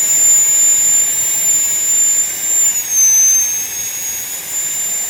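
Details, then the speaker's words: Dental high-speed drill with a steady high-pitched whine that dips and recovers as it cuts, bur held parallel to the long axis, during a full metal crown preparation on mandibular tooth #46 on a phantom head (simulated teaching). "And then just go slowly and keep the burr parallel to the long axis."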